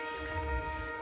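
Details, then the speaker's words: Single short belch (eructation) over a background music bed, from an adult studio audience member who reports about a year of belching even after small meals. "звук. Отрыжка. Отрыжка."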